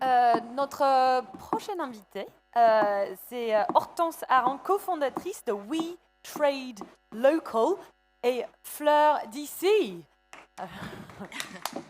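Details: Adult speaker, French, through a microphone; normal speech.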